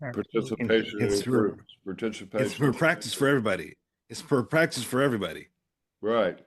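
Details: Adult stroke survivor with aphasia following stroke; aphasia.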